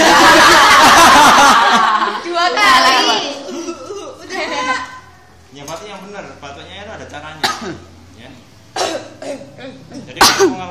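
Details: Voluntary cough: deep diaphragmatic breaths followed by several deliberate coughs, with some laughter and background music, demonstrating an effective-cough technique for clearing phlegm.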